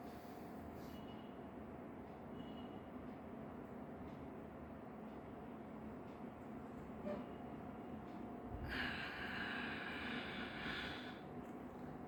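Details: Adult doing a breathing exercise to reduce stammering and anxiety: quiet breath in, silent hold for several seconds, then audible breath out for a few seconds; paced breathing with breath hold.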